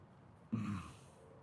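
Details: A single short, forceful breath burst, an abrupt gasp or sigh-like exhalation, over quiet room noise during a live equine chiropractic session.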